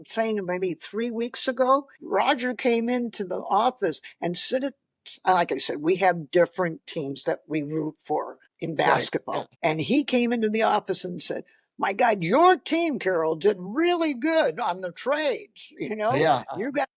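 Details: Adult woman speaking; normal fluent speech.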